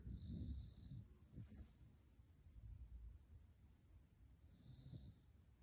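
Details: Sleeping baby snoring: a soft, low, rattling noise with each breath, partly masked by room noise; light snoring.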